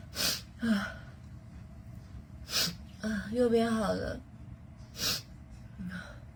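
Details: Girls in a TikTok compilation of Covid-19 nasal swab tests: several sharp sneezes in a row with gasps and brief vocal sounds between them; swab-induced sneezing.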